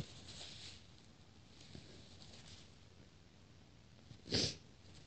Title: powerful and wet sneezes (f)